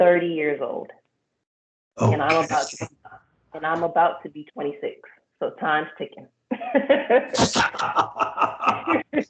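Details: Stuttering in a 26-year-old woman who has stuttered since age 5, on up to 90% of words in 70% of situations, with therapy through school; speaking in a stuttering therapy session.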